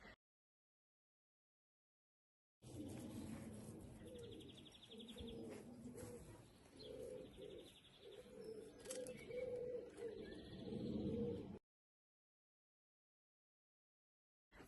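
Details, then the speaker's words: Miniature dachshund snoring while asleep: soft, whistling, cooing snores that rise and fall at about 20 breaths a minute. "Can you hear um Lola's snoring? If you can hear that noise, it's Lola's snoring."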